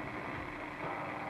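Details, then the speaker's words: Intraoperative microelectrode recording during deep brain stimulation surgery for dystonia in a sedated but awake patient: steady static-like crackling and popping from firing nerve cells as the electrode passes through brain layers. "as you pass through the different layers of nerve cells they have certain characteristics you listen to them and certain cells uh fire or make a popping noise on the monitor at a certain rate"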